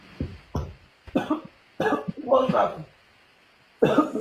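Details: Woman on a livestream coughing, apparently acted: about five short, forceful coughs in a quiet room.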